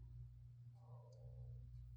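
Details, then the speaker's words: Audible stomach growling from an adult who says they may be hungry despite feeling no appetite: borborygmi. "y'all just hear that in my stomach? Um, did y'all hear that? It was like I guess I am hungry."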